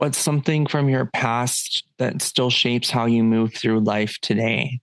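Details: Adult man speaking; Normal fluent speech.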